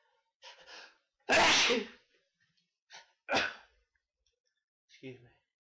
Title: Sneezes & hitching.